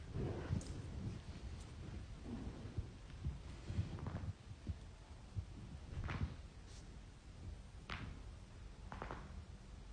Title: cracking joints